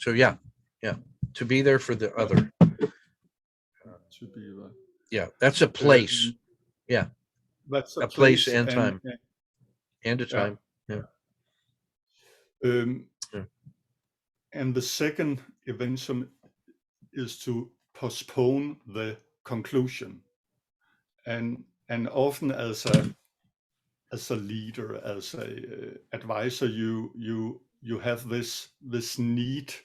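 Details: Adult male guest who says he sometimes stutters; stuttering.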